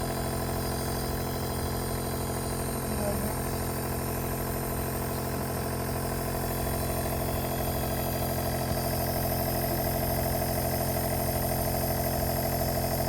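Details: Compressor nebulizer running during a home breathing treatment of a sneezing baby: continuous loud motor drone with rapid steady buzz, faint voices in the background.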